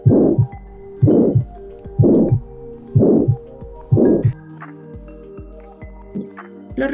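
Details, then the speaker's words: Heart murmur demonstration during a cardiac auscultation lesson: regular heartbeat about 62 per minute with a rushing whoosh filling each beat. "Así se escucha un soplo cardíaco."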